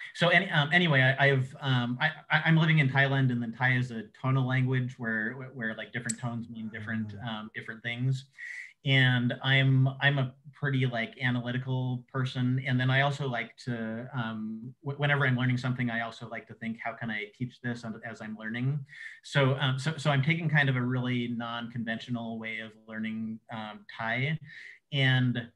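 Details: Adult man who says he has cluttering, a fluency disorder, speaking conversationally in an interview; cluttering.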